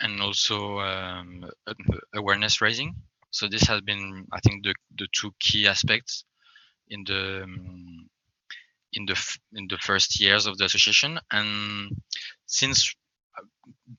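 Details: Adult French man who self-identifies as a person who stammers, speaking English; stuttering.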